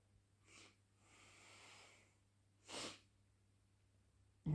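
A short breathy intake, a hissing exhale, then one sharp explosive sneeze-like burst, followed by a nose-blow sound.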